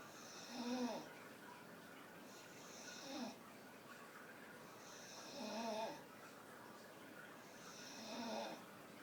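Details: Staffy dog snoring while sitting up with eyes wide open: four rhythmic rattling snores about 2.5 seconds apart, roughly 24 a minute, with quiet room noise between; ordinary dog snoring.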